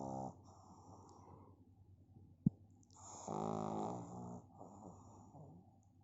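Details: Pug snoring: low rattling snore on the in-breath with a single sharp click, in a quiet room; typical snoring of a flat-faced dog.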